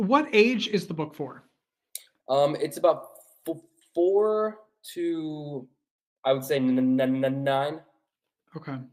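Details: Adult man who has stuttered since childhood, speaking English; stuttering.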